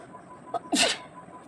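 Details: One sharp, explosive sneeze after a short inward catch, in a quiet room, deliberately induced by twisting the end of a saree into the nose; one of 15 sneezes in this sneezing challenge.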